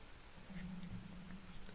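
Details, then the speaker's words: A faint, low, droning stomach rumble (borborygmi) with a brief downward wobble. "and sorry my stomach is rumbling a bit if you can hear that"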